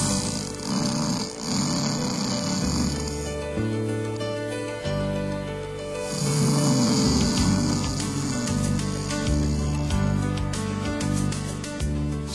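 Loud, rough, rattling snores, about two in twelve seconds, rise and fade with slow sleep breathing under steady background music. This is heavy snoring from vibration of the soft tissues of the throat during sleep; loud habitual snoring can go along with obstructive sleep apnea.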